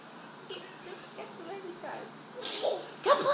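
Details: Child makes two sharp, hissing sneeze-like bursts after soft murmuring, a deliberate fake, imitated sneeze.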